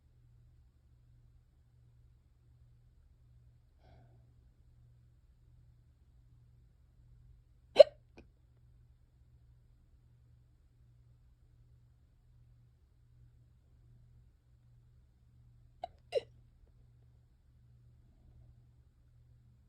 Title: quick hiccups i managed to record (these never last long😞)